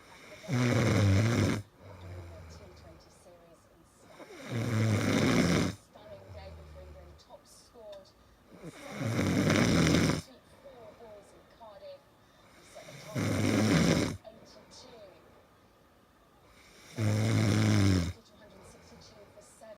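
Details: Adult man (husband) asleep: loud, rough snores about every four seconds, roughly 15 breaths a minute, with quieter breathing between; very loud snoring.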